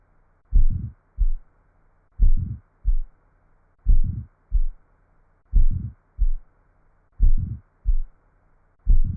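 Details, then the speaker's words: Mid-systolic ejection murmur of aortic stenosis, crescendo-decrescendo: regular heartbeat with a rising-then-falling murmur filling mid-systole between the first and second heart sounds. "فان النفخه الانقباضيه ح تصير بالمد سيستوليك وهذه النفخه نسميها عندنا كريشندو ودي كريشندو معناتها صاعده الصوت يكون صعد ونازل"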